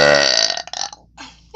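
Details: Woman burping, recorded with a new microphone: one loud, drawn-out voiced burp followed by a fainter trailing belch sound.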